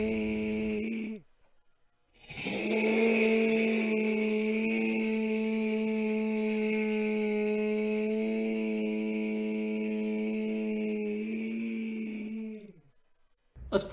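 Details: Vocal fold flutter heard when loud speech removes compensation (supraglottic squeeze, low subglottic pressure), suggesting vocal fold weakness.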